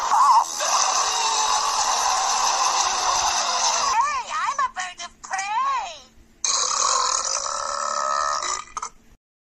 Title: Third Burping Tournament, First Round, Fourth Battle